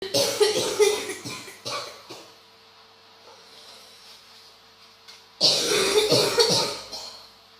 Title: 92 Seconds of Intense Bronchitis Coughing